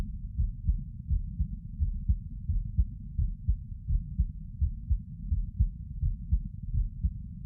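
Regular low heartbeat thumps at about 86 per minute, steady rhythm with no extra sounds: normal heart sounds.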